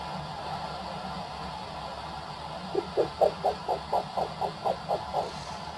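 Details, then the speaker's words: Cat blood pressure measured with Doppler unit and cuff: steady hiss, then rhythmic whooshing arterial pulses returning at about 125 per minute as the cuff slowly deflates; the first returning flow marks systolic pressure. "Once you get a clear signal, we then gently inflate the cup. Okay. to the point where you can no longer hear blood flow and then slowly allow the cuff to bleed."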